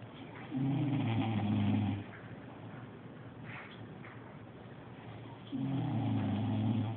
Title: Dad snoring